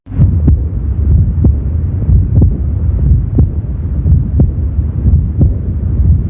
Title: AORTIC REGURGITATION-MID LEFT STERNAL BORDER[3RD INTERCOSTAL SPACE]|HEART SOUNDS|AUSCULTATION|MURMUR